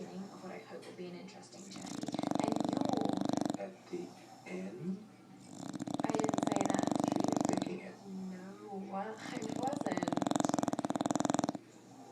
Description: Bulldog snoring, Don Don